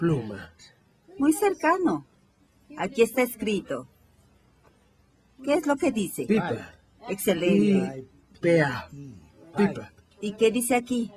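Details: 58-year-old right-handed woman with logopenic variant primary progressive aphasia, symptom onset 4 years earlier, describing a picture; intermediate fluency, slow but not effortful, occasional phonological errors, no motor speech errors or agrammatism; logopenic variant primary progressive aphasia.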